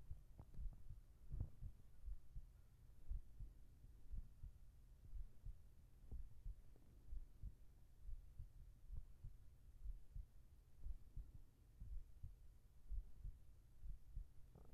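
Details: ASMR heartbeat recording for sleep, with whispered voice: soft, low thumping at about 60 beats a minute, not fully even, over a faint steady hum; heartbeat.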